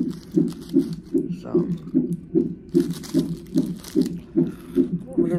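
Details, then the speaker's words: At 34 weeks' pregnancy, in labor and delivery triage after sharp pain and pressure, steady regular whooshing thumps about 150 a minute from a fetal monitor: fetal heartbeat at a normal rate. "I just had a very very sharp pain look at hear the heartbeat they got me on the [Music] monitor"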